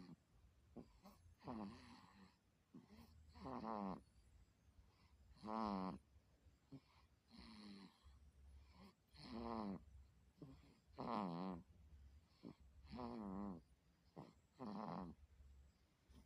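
Regular rattling snores on each breath in, with quieter breaths out between, about eight breaths in the span.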